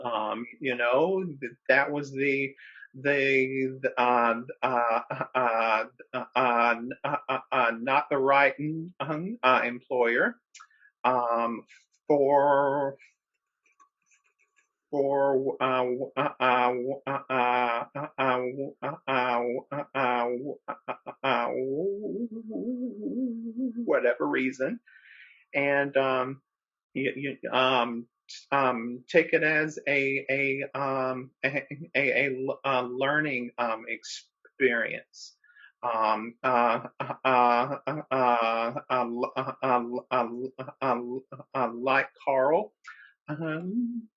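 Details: Adult man who describes himself as a person who stutters, speaking with repetitions, interjections and pauses while co-hosting a webinar: stuttering.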